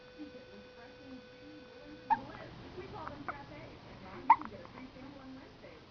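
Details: Two sharp, abrupt gulping hiccups a couple of seconds apart from a girl, over soft baby vocal sounds in a dim room; ordinary hiccups.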